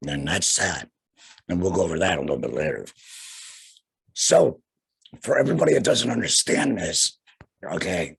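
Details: Young man, about two years after laryngectomy for cancer with radiation afterward, breathing through a neck stoma and speaking via a flanged, vibrating voice prosthesis in the esophagus; tracheoesophageal speech after laryngectomy.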